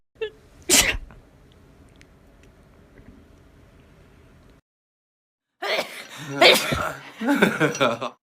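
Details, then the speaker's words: A young Asian woman sneezes before taking photos: one abrupt, explosive sneeze, then after a silent gap further sneezes mixed with voiced sounds, about five sneezes in a row, leaving her eyes red. "喷嚏，喷嚏二，喷嚏三，喷嚏四，喷嚏五。我服，谁家好人拍照前必打几个，眼都给老娘干红了。"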